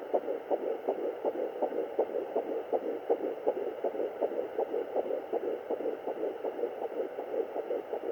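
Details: Fetal Doppler at 10 weeks 6 days of pregnancy; fetal heartbeat.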